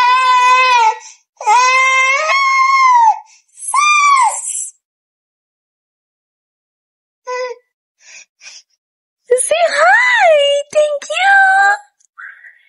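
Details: Infant girl cries in loud, high-pitched wails, then quieter whimpers and a rising, tearful cry.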